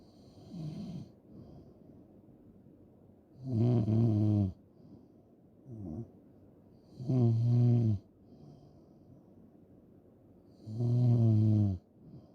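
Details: Loud, rattling snores on each in-breath with softer breaths between, about 17 breaths a minute; heavy snoring.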